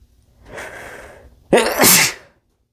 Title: male sneezing into a bandana